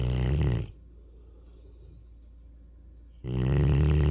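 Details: Sleeping Mastiff/Rottweiler puppy snoring: loud, low rattling snores, one on breathing in and another after a pause of about two and a half seconds.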